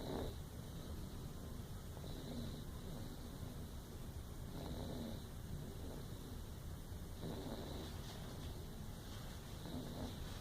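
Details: Snoring in a library: soft, regular snoring breaths about every two and a half seconds, faint under a steady room hum.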